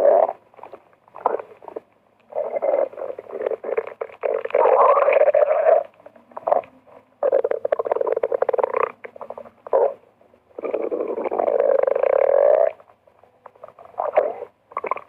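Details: Borborygmi recorded from a person's empty stomach: bursts of gurgling, rumbling sounds in long and short runs; ordinary bowel sounds.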